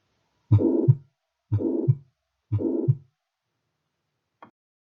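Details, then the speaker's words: Simulated heart sounds from a basic semiology lesson, at about 60 a minute: a blowing murmur fills the gap between the first and second sounds, the holosystolic murmur of mitral regurgitation. "é o sopro da insuficiência mitral caracterizado por regurgitação mitral neste site e vamos ver então uma mostra do sopro da insuficiência mitral"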